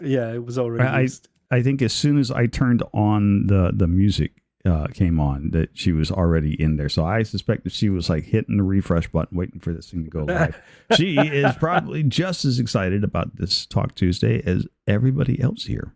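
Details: Adult male speaker; plain speech.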